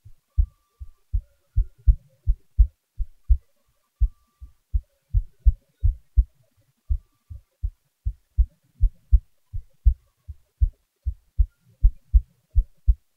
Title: my heartbeat recording